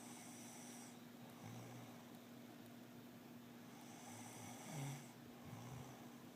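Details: Quiet, low rumbling snores over a steady background hum, with a louder snort near the end; snoring during sleep.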